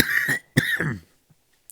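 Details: A man under cyclical hospital treatment for leukemia, speaking and apologizing for his coughing: two short, harsh cough bursts in quick succession, then quiet. Cough.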